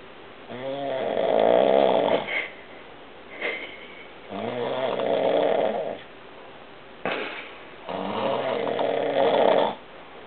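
Loud, rattling snores on each breath in, about 16 a minute, each followed by a quieter breath out.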